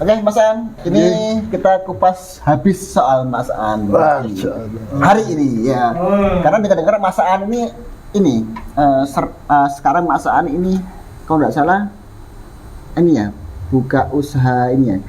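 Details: Adult speaker; typical speech.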